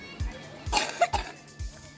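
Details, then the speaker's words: A young girl gives two short, dry coughs during winter, with faint room noise and regular low thuds of a bouncing ball. "Зима, кашель, мяч."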